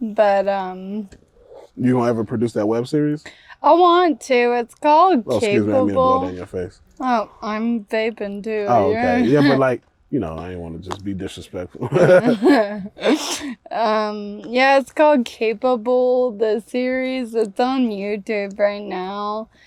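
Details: Ataxic dysarthria in a 28-year-old woman with Friedreich's ataxia, a progressive genetic disease diagnosed at 18; speech and walking changes were noticed around age 15. She uses a wheelchair and takes Skyclarys to slow progression.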